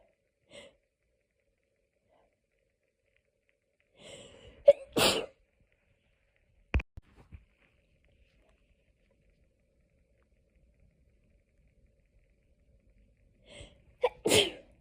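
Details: Hay fever sneezing fit, edited loop of 6½ minutes: quiet gaps broken by an in-breath and explosive 'achoo' bursts, two main sneezes with smaller sounds between.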